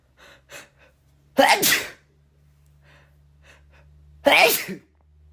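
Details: Two loud, explosive sneezes from a male, each preceded by a short catching inhale, with a low steady hum behind; he was feeling under the weather and induced the sneezing with chhinikkni.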